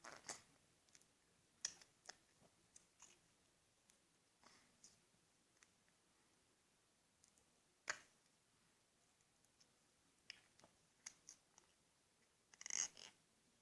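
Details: Awake, sporadic teeth grinding (bruxism) in a person who has 4q21.22 microdeletion syndrome and uses a silicone splint: irregular sharp clicking and gritty scraping of teeth.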